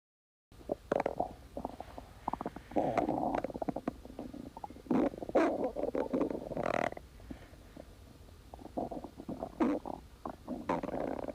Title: Splendid stomach growling